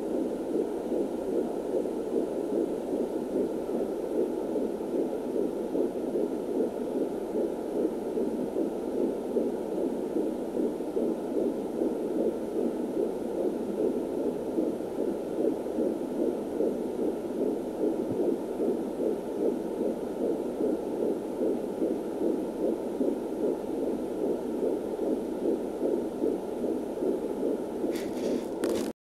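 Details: Fetal heartbeat at 14 weeks on a handheld Angel Sounds fetal doppler: fast, rhythmic whooshing pulses through a steady hiss.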